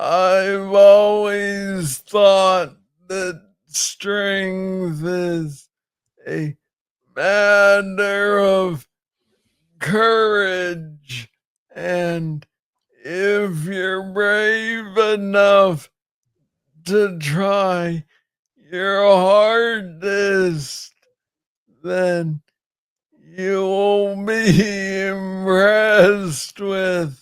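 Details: Adult man diagnosed with Parkinson's disease in 2014 at about age 35, first misread as tennis elbow; noted to speak slowly. Slow speech in Parkinson's disease.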